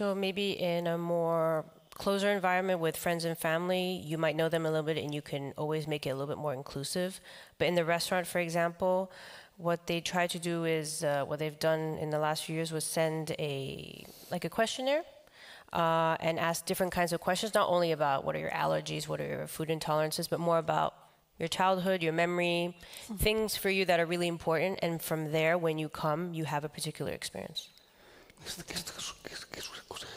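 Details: Adult man with the neurological disease dystonia, which in his case causes uncontrollable neck movements and can affect other body parts; he reports having no real tone of voice; real speech: voice affected by dystonia.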